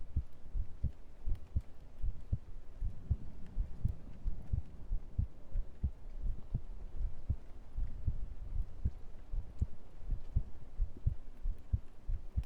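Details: Heartbeat played during an ASMR stream: steady low thumps in pairs, about 80 beats a minute, over faint room noise; a normal heartbeat.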